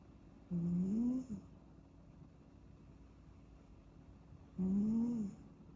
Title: 8 minutes of kitten snoozing snoring sounds